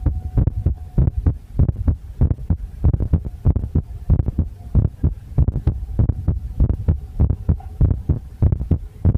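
Dull, fairly regular thumps near 97 a minute over a steady hum: a rapid-normal heartbeat, poorly recorded.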